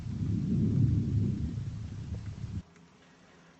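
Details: Lung auscultation over the back at symmetric points along the scapular lines, right then left; soft, low rustling on inspiration fading to near silence on expiration: normal vesicular breath sounds.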